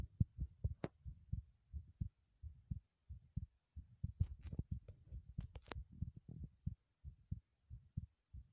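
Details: Quick, soft low heartbeat thumps with some rustling, recorded while running in a bathroom; fast heart rate during exercise.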